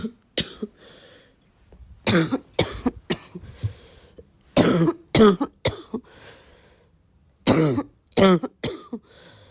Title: still sick and coughing a lot 2